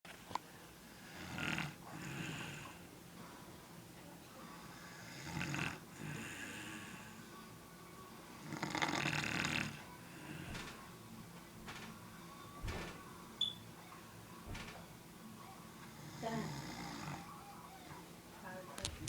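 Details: Adult man snoring in his sleep: rough, rattling snores recurring about every three to four seconds on each in-breath.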